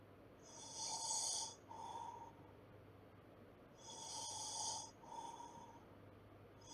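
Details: Snoring during sleep: slow, rhythmic snoring with a hissing, whistly inhale and a softer exhale, about 18 breaths a minute, over a steady low room hum, from a relaxing sleep-sounds recording.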